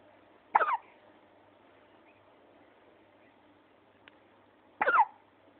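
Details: Two sudden, short hiccup bursts about four seconds apart in a quiet room: hiccups.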